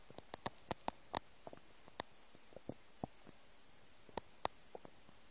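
Quiet, irregular clicks and brief gurgles over faint hiss: bowel sounds from an empty stomach, a normal finding.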